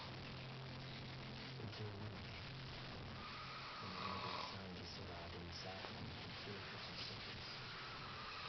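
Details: Snoring from a male sleeper: rough, gurgling snore with a wet, gargling quality, likened to gargling, over steady background noise.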